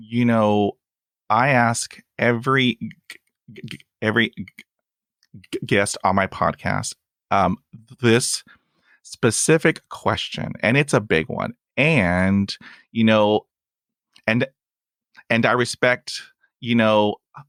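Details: Adult male with persistent stuttering, including blocks and long pauses, who uses helper words; stuttering.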